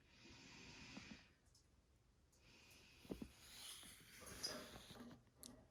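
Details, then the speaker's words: Lung auscultation by stethoscope over the lower lobes as the patient takes deep breaths in and out: normal vesicular breath sounds, with no wheezes, crackles or stridor. "Okay. And there was no abnormal lung sounds, no wheezing or crackles or stridor heard."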